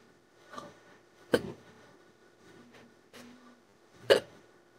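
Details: Simulated hiccups in an AI-voiced female character, made from an old recording: several sharp, abrupt voiced catches a second or two apart. The voice calls it a strong, throat-hurting bout that stopped for about 5 minutes and then restarted.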